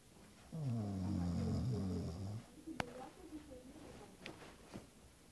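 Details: Person snoring: one long, low, rattling snore on an in-breath, then a quiet pause with faint clicks and breathy sounds.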